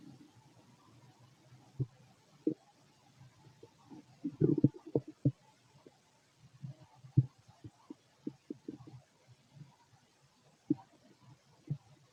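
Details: Adult male abdomen while digesting food: irregular low gurgles, clicks and brief rumbles, ordinary bowel sounds (borborygmi).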